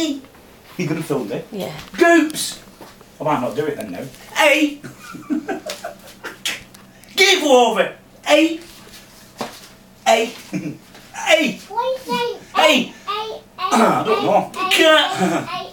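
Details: Vocal tics in a 46-year-old man with Tourette syndrome; a small motor tic developed into full-blown Tourette syndrome after trauma in March 2009, later progressing to loud outbursts of inappropriate language.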